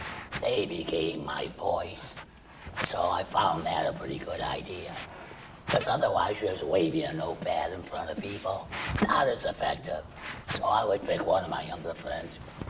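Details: Adult male laryngeal cancer survivor after chemoradiation then total laryngectomy, breathing through a stoma, speaking with a tracheoesophageal puncture voice prosthesis; tracheoesophageal speech.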